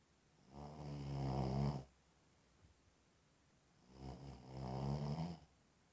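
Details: Person asleep snoring; two loud, low, rumbling snores about three and a half seconds apart, separated by quiet pauses; ordinary snoring.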